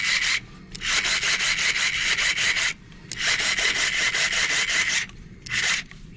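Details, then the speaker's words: Cadaver foot tendon transfer surgery: a powered wire driver oscillated back and forth to create less heat in the bone, passing a guide wire through bone and out of the skin; repeated harsh rasping bursts. "So what you can do is you can start going back and forth, and I oscillate just because it's a little less heat that I create within the bone itself, and you're actually going to be coming up and out of the skin."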